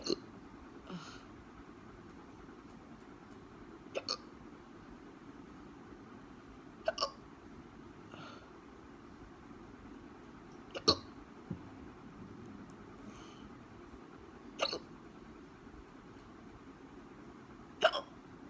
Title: Hiccups again